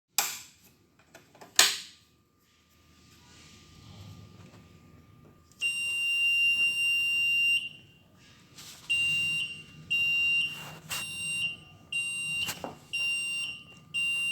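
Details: Avian mechanical ventilator: short clicks and a hum, then a high repeating electronic alarm tone in bursts, a ventilator alarm sounding.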